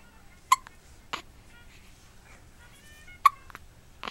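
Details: One-month-old infant boy with frequent hiccups: four sharp, abrupt hiccups over about four seconds in a quiet room, faint soft noises between.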